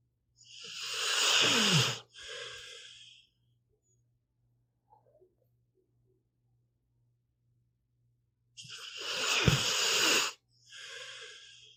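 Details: Sleeping pitbull snoring, recorded as audio only: two loud, hissing, snorting breaths about eight seconds apart, each a long noisy inhalation and a shorter exhalation, over a faint steady hum.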